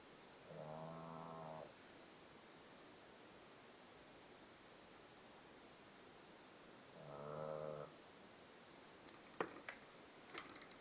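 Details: Snoring: two soft, buzzing snores about six seconds apart in a quiet room, followed by a few faint clicks.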